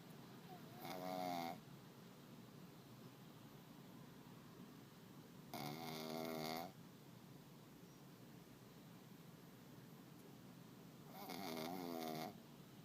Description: Turn up the volume! Pug Zoe snoring while waiting at the airport. . .